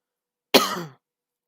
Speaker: Sorry if my coughs are annoying.